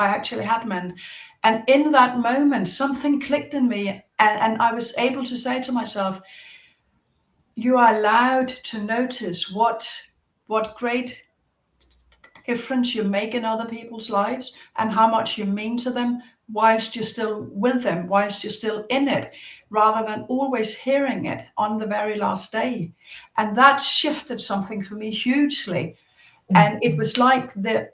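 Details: Stuttering since childhood in an adult woman, a psychotherapist, audible in her speech.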